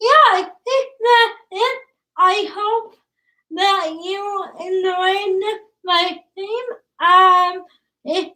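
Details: Woman about to turn 20 with cerebral palsy, speech difficult to understand, father notes trouble with plosive sounds such as p and b; dysarthria (cerebral palsy).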